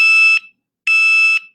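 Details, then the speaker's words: Dexcom continuous glucose monitor high-glucose alert for a diabetic daughter, set to trigger above 150: two loud, shrill, sustained beeps. "If Molly is high and she is above 150 is what we have it set for. Here's what I hear."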